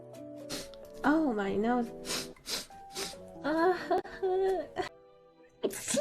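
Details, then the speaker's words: Vtuber sneezing: sharp bursts mixed with moaning, sniffly vocal sounds over background music; sneezes. "oh my nose oh i'm sorry i'm sorry"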